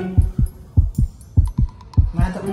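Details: Fetal heartbeat picked up during an ultrasound check of a pregnant woman at a free ultrasound clinic: fast, regular whooshing Doppler thumps.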